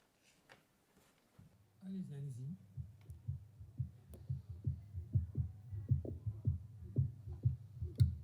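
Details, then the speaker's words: Cardiac auscultation recorded with a connected stethoscope, played as a teleconsultation demonstration: brief handling noise as the chest piece settles, then steady, regular low heart sounds. "alors il y a en fait deux exemples d'auscultation au niveau de du stéthoscope je vais vous demander de faire silence on va essayer de vous faire écouter donc une occultation cardiaque"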